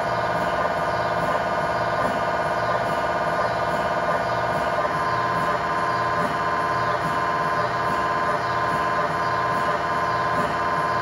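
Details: MRI scanner noise recorded inside the scan room of a GE 1.5T or 3T system: loud steady electronic buzzing and droning with a rapid rhythmic pulse that changes tone partway through a scan sequence.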